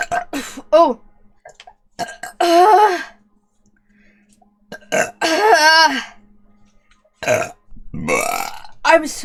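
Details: VTuber's repeated burping on stream: several loud, long, voiced burps with wavering pitch, some in quick pairs with brief quiet gaps, after which she says it is all the air she ate.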